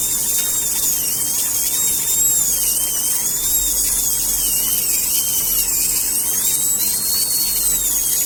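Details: Dental handpiece: a steady high-pitched whine, its pitch wavering slightly under load, over constant room hiss.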